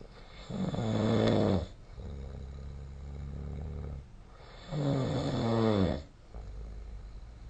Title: 🐽 本日のイビキ / Snoring Sleep Sound 2025/05/07